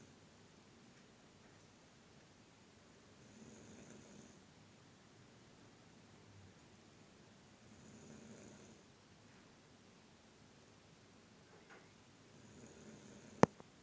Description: I caught my Sister Snoring like a very grumpy grizzly bear because she was very tired today!